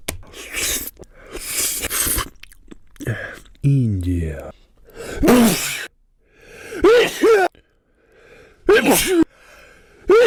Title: BRO STOP SNEEZING NOW!!!!!!